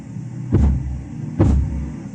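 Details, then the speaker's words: Phase 5 Korotkoff sounds during cuff deflation: two dull low thumps about a second apart over steady hum, the last sounds before they cease, indicating diastolic pressure. "en esta en esta fase cesan los ruidos bueno por esto pero este último ruido que se que escuchemos será lo que nos indica la presión arterial diastólica también"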